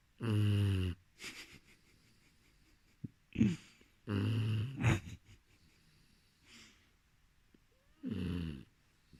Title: Puppy boxer snoring